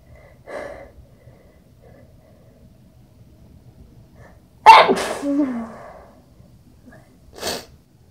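A quick intake of breath, then one loud, abrupt sneeze muffled by cloth, followed by a short exhale.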